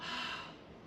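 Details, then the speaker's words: A lecturer's vocal imitation of an early diastolic murmur after the heart sounds ("lub-dub"): a brief breathy, blowing whoosh that fades slightly. "lubbed up. This is what you will hear here with the early diastolic murmur. So lub, dub, dub, lubbed up."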